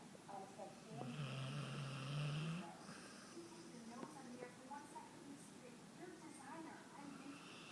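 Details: Female dog sleeping out cold: one long, low droning snore on the in-breath, then quieter breathing with faint room noise.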